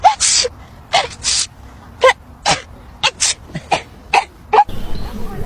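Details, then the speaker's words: Bride at a wedding ceremony says she is about to sneeze, then a rapid run of short, sharp sneeze bursts with brief gasps between, apparently acted for comic effect; sneezing. "Oh, no. I think I'm about to sneeze. Uh-oh. Just a second."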